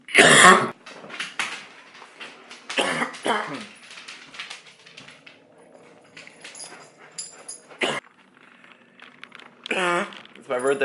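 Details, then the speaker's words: Person who is sick with a sore throat coughing: several harsh, loud coughs with throat noises between them, with a dog heard in the background. "hey guys I'm sick got a sore throat and we haven't recorded anything yet this week so I thought what better way to spend them what a better blog we could do then having just a bunch of footage of me coughing"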